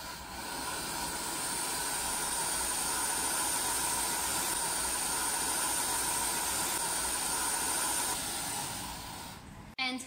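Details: TAOS1800 dental chair's built-in electric vacuum suction and cleaning tube system, which removes bad smell, running: a steady airy hiss through the tubing ending with a brief clunk.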